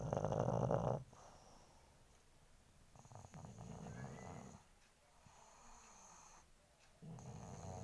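Loud, rough rattling snores in cycles, with quieter snorting stretches between; noisy sleep breathing of a flat-faced dog.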